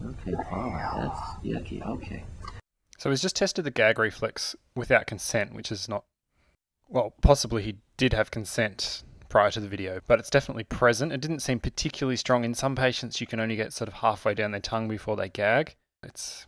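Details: Adult male speaker; normal speech.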